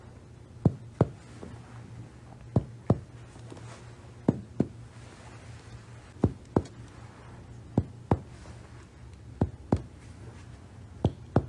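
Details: Chest percussion notes.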